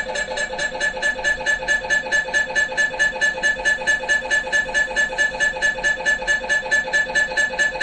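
Loud, steady electronic tones pulsing about 136 times a minute with a buzzing ring; the normal knocking noise of an MRI scanner during imaging.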